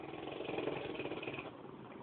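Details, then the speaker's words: A sleeping mother snores, a loud, rough, fluttering buzz sustained through one long breath like a motor running; she is told to roll onto her side. "mam mam roll on your side or good lord roll over on your side you sound like a speedbat"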